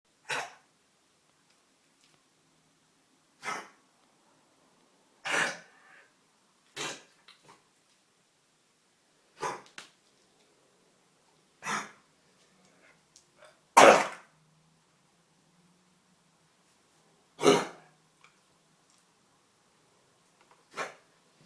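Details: Dog with kennel cough: repeated harsh, dry, honking coughs, about nine bursts spread irregularly with quiet pauses between.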